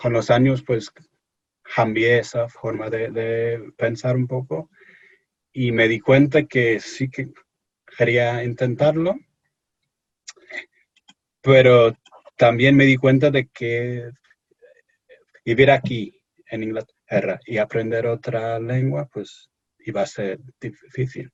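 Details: Stuttering in an adult English-born man speaking Spanish as a foreign language in an interview, who says he is a little nervous and that this may affect his speech.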